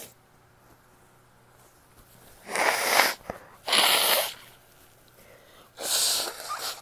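Three explosive, hissing sneezes in quick succession, ordinary sneezing.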